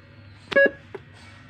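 Two short electronic beeps followed by a faint third, button-press tones from a CPR training manikin control unit.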